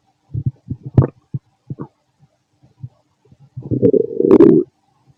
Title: Fit male stomach growling digesting